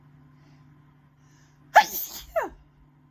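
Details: Person in a dusty room having a rough sneeze attack: a single loud, explosive sneeze after quiet room hum, followed by a short voiced exhale; sneeze.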